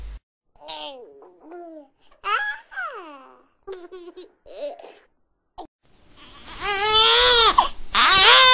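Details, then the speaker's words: Intermittent fussing cries that build to louder, sustained wailing from a baby boy suffering a very bad bout of colic, during a gentle Baby Bowen treatment, with music in the background. "baby was suffering from a very bad bout of colic"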